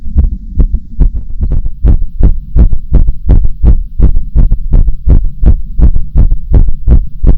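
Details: Heartbeat: strong, regular low thumping, fast at roughly 160 to 170 beats per minute.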